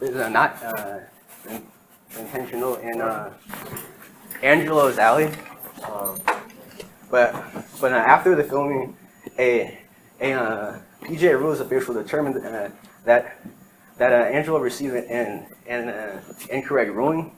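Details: Adult man with lifelong stuttering, present as long as he can remember; real speech from his own 2013–2019 recordings. Finding: stuttering.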